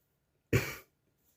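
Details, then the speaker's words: Single short, sharp cough from an adult with a current cough, fading over about a third of a second, before a honey-lemon drink. "So, I've got a bit of a a cough at the moment."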